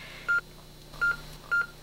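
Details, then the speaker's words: Short electronic beeps, one with each pulse, from the SpO2 pulse tone of a Lifepak 15 monitor on the presenter's own finger, volume turned on in a demonstration; room noise behind. "so now you can listen to this wonderfully obnoxious thing during your"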